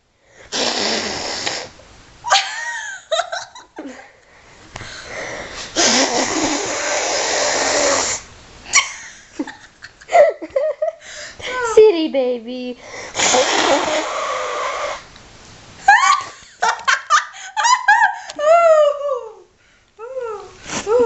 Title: baby laughs at sneeze